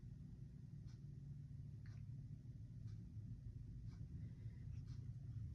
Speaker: And move down to the left lower quadrant. And our bowel sounds are active.